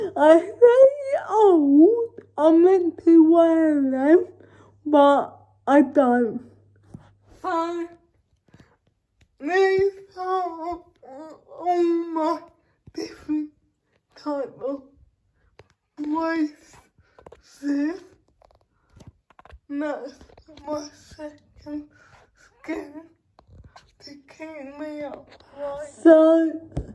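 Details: Dysarthric speech in a woman with cerebral palsy, talking spontaneously in a day-in-my-life vlog during quarantine.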